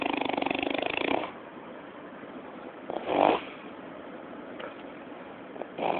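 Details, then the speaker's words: Loud, rattling, fluttering snoring breaths in separate bursts, with quieter breathing between them: snoring. "ये एक मोटर है जो कि खर्राटे ले रही है।"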